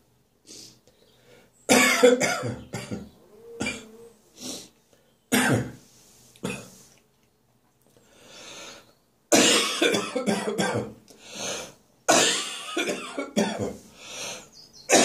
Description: Wow! This little one caught me unawares this morning. Must remember to swallow saliva instead of inhaling it!